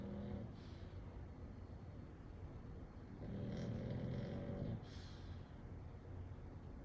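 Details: Female pug asleep in her new bed: a rumbling snore on the in-breath over a steady background hum, with a softer breath at the start: snoring.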